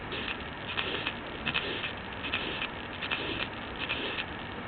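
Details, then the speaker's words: Simulated harsh systolic murmur of severe aortic stenosis on a teaching manikin, heard over the neck at about 77 beats per minute; grade 4 or above with a systolic thrill directed toward the right neck. "severe aortic stenosis can be built in the neck as well"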